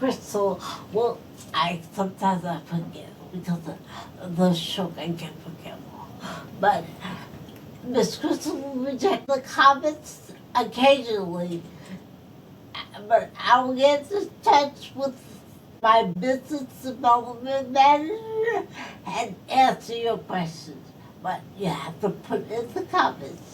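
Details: Adult woman stroke survivor whose speech is affected by her stroke; speech has repetitions and broken phrasing; post-stroke speech impairment.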